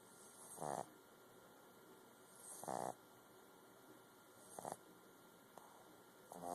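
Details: Sleeping Boston terrier puppy snoring: soft snorting snores, roughly 30 breaths a minute, with a faint steady hum in the room.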